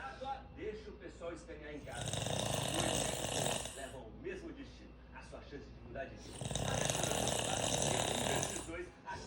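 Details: Dad sleeping: two loud, harsh, rattling snores about four seconds apart, with quieter breathing noises between them. Heavy snoring.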